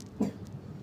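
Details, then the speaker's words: A single brief, muffled, low-pitched cough in a quiet room from an adult with a cough and cold (blocked nose, poor appetite, itchy nose for 3 days) during changing hot-rainy weather; cough. "kagak pada apa namanya batuk pilek ini. Aduh, bindeng makan kagak nafsu makan."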